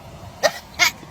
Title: Funny sheep sneeze #sheep #funnyshorts #funnyanimals #farmanimals #sneeze #fypシ